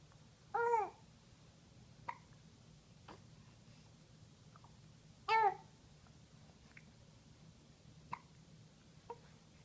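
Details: An infant babbling with two voiced sounds and several short, sharp catches spaced irregularly between them: ordinary baby hiccups.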